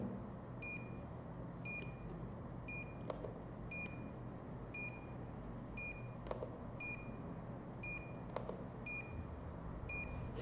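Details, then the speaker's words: Peripheral nerve stimulator beeping during a regional anaesthesia nerve block, e.g. brachial plexus; short high beeps about once a second, each signalling an electrical pulse while the needle is advanced toward the nerve and current is lowered. "então cada vez que ele soa um bip que ele tá nessa duração e nesta frequência né que a gente pode mudar também olha ele tá dando um choque certo"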